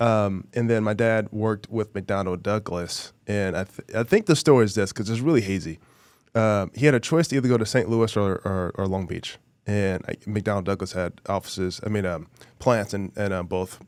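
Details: Adult male former professional football player with a really bad stutter since childhood, treated by a speech therapist as a child and still present now; stuttering.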